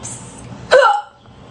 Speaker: hey it's Thursday and I have a really bad case of the hiccups and I can't get rid of them they just won't go away